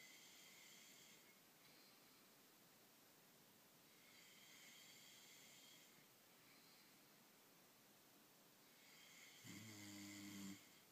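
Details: Snoring: soft, whistling snores with a nasal rasp on each breath, about 12 a minute, over steady room hiss.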